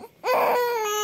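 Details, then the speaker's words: Sustained, tonal cry rising after a brief pause from a one-month-old baby boy while wearing yellow flowery clothes; infant crying. "why you crying because I let you wear the yellow and have flowery oh you don't like you want to [Music] change"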